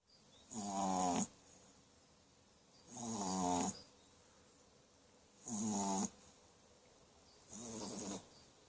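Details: Four short, squeaky, whistling snores from a sleeping puppy, about 25 breaths a minute, with quiet pauses between; snoring.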